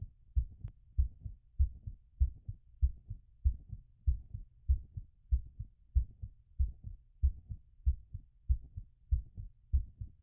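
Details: Heart sounds after exercise.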